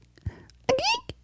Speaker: You don't even sneeze that way. Some people go, it sounds like they're being strangled or something.